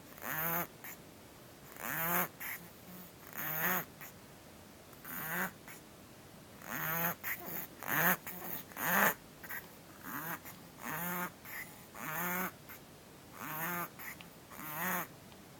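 Repeated harsh, honking noises with each breath, about one every second or so, with quiet gaps between; noisy, abnormal breathing in a kitten.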